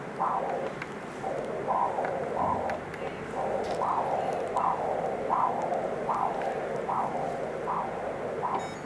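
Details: Rhythmic whooshing pulses about every 0.7 seconds, roughly 85 a minute: a pulsed-wave Doppler flow signal recorded on a Mindray Z5 colour Doppler ultrasound unit during a veterinary scan.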